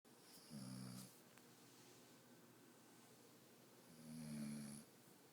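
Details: Snoring recorded on an iPhone: two low, rattling snores about three seconds apart with quiet breathing between; ordinary snoring.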